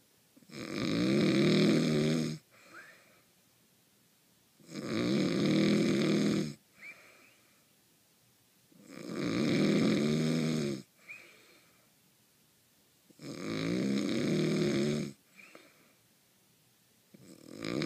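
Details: Simulated cartoon snoring effect: loud, regular rattling inhalations about 14 a minute with quiet whistling exhalations; exaggerated snoring.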